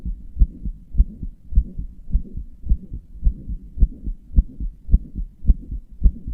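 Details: Heart murmur in a person who describes their own heart as weak and inefficient, with murmurs and palpitations; fast, fairly regular heartbeat about 107 bpm with a low rushing sound filling the gaps between beats.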